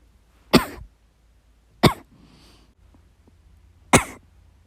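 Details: Three forceful, harsh single coughs separated by quiet pauses; hard coughing in a person recuperating from illness.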